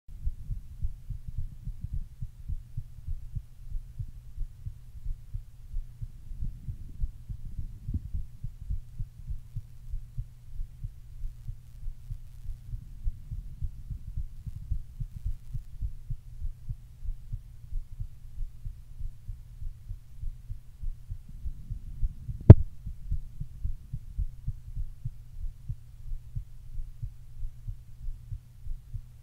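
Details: Male heartbeat, normal: steady, regular low thumping with a deep, heavy quality and a faint constant hum.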